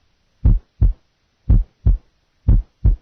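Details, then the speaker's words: Simulated regular lub-dub heartbeat near 60 a minute heard at the left lateral sternal border, with a crisp, single first heart sound; normal finding. "hold the sound listen now to a normal heart sound at the various sites first sound left lateral sternal border split [Music] first sound left lateral sternal border single okay"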